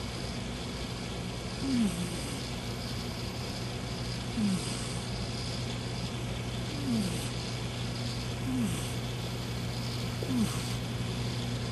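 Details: Gizmo, a cat who snores only sometimes: short, soft snoring breaths roughly every two and a half seconds, about 24 a minute, over a steady background hum.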